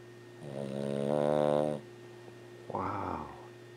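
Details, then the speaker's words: 14-year-old female Lhasa Apso snoring loudly in sleep during a walking dream: drawn-out whining snore on breathing in, then a short huffing breath out. "oh look the little girls snore so loud"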